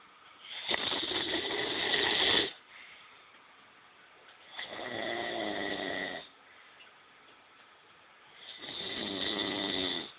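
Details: Three long, loud, rattling snores about every four seconds with quiet breathing between them.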